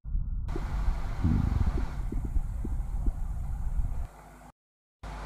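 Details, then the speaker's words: Stethoscope on umbilical and iliac regions of the abdomen in a patient with diarrhea: frequent low gurgles and rumbles, hyperactive bowel sounds. "यदि patient diarrhoea से सफ़र कर रहा है तो ऐसे कंडीशन में स्टेथोस्कोप को एब्डोमेन के अम्बिलिकल रीजन में एंड इलियक रीजन में रखकर सुनने पर इस प्रकार का साउंड सुनाई पड़ता"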